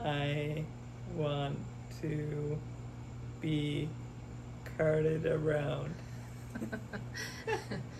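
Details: Expressive aphasia with oral apraxia and right-sided paralysis in a young man after a hemorrhagic stroke at age 27, recorded July 2024 after intensive speech therapy programs.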